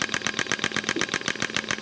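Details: A shockwave therapy device runs at a turned-down, lower setting during a demonstration on a woman, with possible sites including the neck, lower back, shoulder and wrist. It gives rapid regular clicking pulses, about eight a second.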